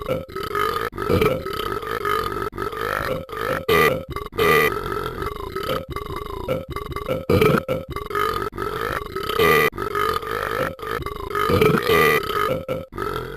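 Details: A male burping: a run of loud, drawn-out, voiced belches with short pauses between them; repeated burping.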